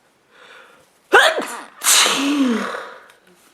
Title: Woman sneezes a lot and blowing her nose in handkerchief